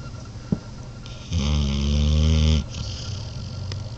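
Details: Morbidly obese black dog snoring: a single deep, rumbling snore lasting over a second against quiet room noise.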